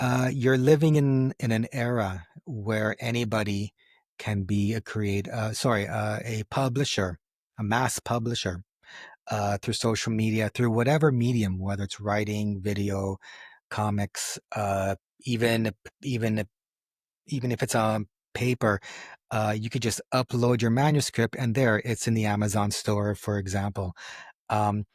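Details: Adult man who has stuttered since age 4, with a stutter that goes up and down and that he lets happen rather than hiding it; stuttering.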